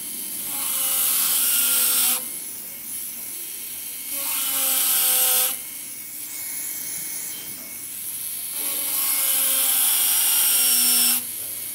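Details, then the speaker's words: Class I cingulum pit cavity preparation on an upper canine: a fissure bur angled 45° to the tooth axis enlarges the cavity. A high-pitched dental drill whines in three bursts, its pitch falling under load. "Nous allons procéder à l'élargissement de la cavité. Toujours dans le même axe de la trépanation, c'est-à-dire que ma fraise est toujours orientée de 45 degrés par rapport à l'axe de la dent."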